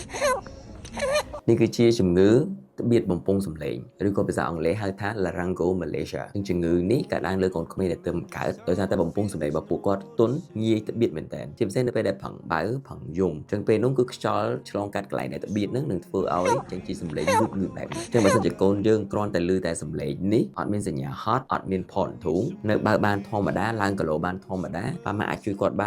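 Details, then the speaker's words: Newborn with laryngomalacia (soft, collapsible voice box), especially when straining or crying: repeated harsh, squeaky inspiratory stridor as air passes the collapsing airway. "ជំងឺនេះកើតឡើងលើកូនក្មេងដែលទើបកើតដោយសារតែបំពងសមីរបស់ពួកគាត់ទន់ងាយទ្បៀតមែនទែនជាពិសេសនៅពេលដែលប្រឹងបឹងយំអញ្ចឹងពេលហ្នឹងគឺខ្យល់គឺថាឆ្លងកាត់កន្លែងដែលទ្បៀហ្នឹងនឹងធ្វើឲ្យចេញជាសំលេងលូតបែបអញ្ចឹង"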